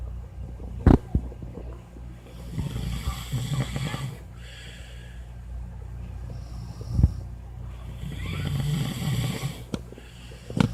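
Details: Low, rumbling snores with snorting bursts over steady background noise; snoring during sleep.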